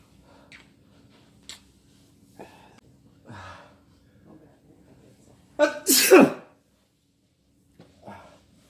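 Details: A few quiet breaths, a sharp intake, then one loud explosive sneeze from a man in a quiet room, his first time sneezing after taking chhinkni (sneezing powder); sneeze.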